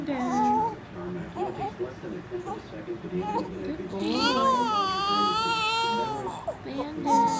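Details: Infant during tummy time fusses with rising, wavering wails and whimpers between breaths, building to a sustained cry; an ordinary infant cry.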